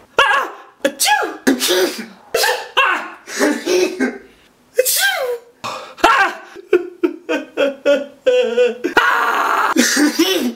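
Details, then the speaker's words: Staged comedy skit: a man who says he is allergic to dogs and flowers gives a rapid run of sharp, voiced "achoo" bursts, repeated simulated sneezes with little pause between them. "Dude, you sneeze really weird."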